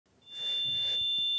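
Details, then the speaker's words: Steady high-pitched ringing tone rising out of faint room noise, a simulation of the ringing heard in tinnitus. "ah vous avez déjà entendu ce bruit qui dérange vos oreilles si oui ça veut peut-être dire que vous avez des acouphènes"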